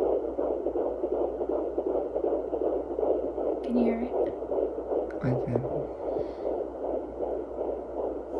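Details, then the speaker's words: Fetal heartbeat heard through a home baby Doppler placed on the pregnant mother's abdomen: rapid, steady whooshing pulses at about 160 a minute. "you would obviously put this on your stomach and it will magnify the sound of your baby's heartbeat so that you can listen to it"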